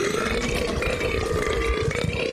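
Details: Boy burping: one long, loud, rumbling burp lasting about two seconds; belching.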